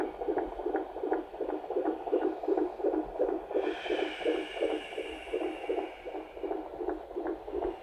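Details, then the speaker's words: Fetal heartbeat on Doppler during labour after waters broke, contractions five minutes apart, with efforts to get the baby to turn: fast, regular whooshing, roughly 165–170 a minute, higher than it should be but dipping lower: fetal tachycardia. "did you tell her what's going on yeah i mean it's higher than it should be for sure but it's also making dips down into a reasonable area but we don't like it going too hard that high"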